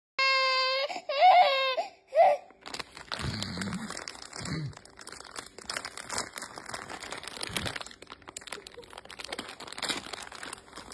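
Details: Baby girl crying for chips: three short, high-pitched cry bursts, then crinkling and rustling; an ordinary fussing cry, not illness.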